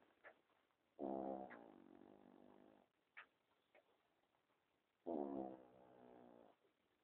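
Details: Affenpinscher snoring at night while asleep: two long, rough, voiced snores about four seconds apart, with soft breathing between them.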